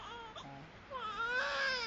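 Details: Newborn girl's first cry: soft whimpers build into a loud, high-pitched wailing cry, a normal first cry.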